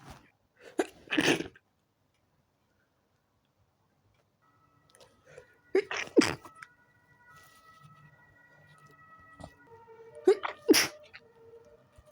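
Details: A person in bed, trying to sleep early, has a sneezing fit that started after turning onto the other side: three forceful sneezes several seconds apart, with faint music in the background.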